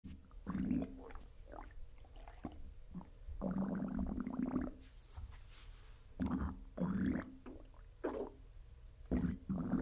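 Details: Irregular low gurgling and rumbling bursts of an adult's stomach growling, recorded immediately after a bowel movement: normal borborygmi.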